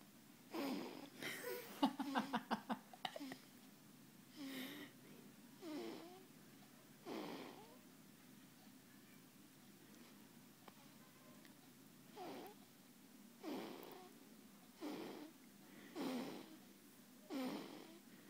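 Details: Sleeping 17-day-old baby girl makes soft, snorting snore sounds on each breath, with a brief pause midway.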